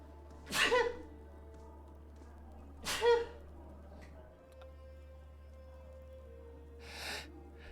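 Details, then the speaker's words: Streamer sneezing repeatedly during a live stream, joking about being allergic: two loud sneezes about two seconds apart, then a softer breathy burst, with faint music behind. "oh no and I'm allergic to the joke apparently also sneeze incoming time to write that down kinda oh no excuse me"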